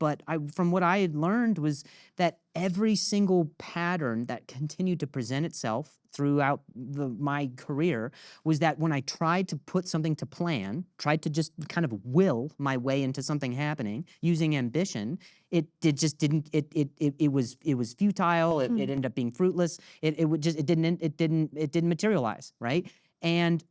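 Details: Adult man with acquired persistent stutter since age 20, after a softball hit his throat and he fell and hit his head; diagnosed as minor vocal contusion with major concussion, later traumatic brain injury; stutter can sound staccato; stuttering.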